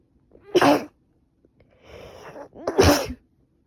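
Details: Woman with a cold, after about three days of bad sneezing and now improving: two forceful sneezes with a quieter breathy inhale between them.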